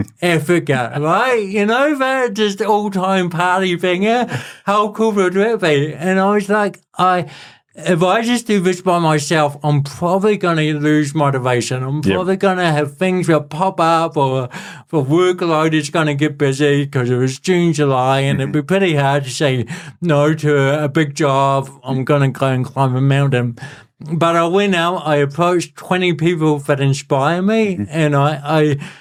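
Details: Adult man with cerebral palsy present since birth; dysarthria (cerebral palsy).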